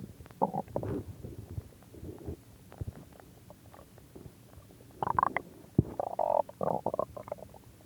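Irregular gurgling and bubbling rumbles from the belly, some long and some short: ordinary stomach growling from gas and fluid moving through the gut.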